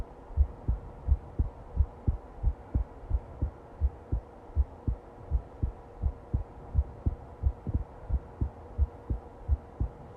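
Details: Long recording of a steady, regular heartbeat with paired lub-dub thumps at about 85 beats a minute.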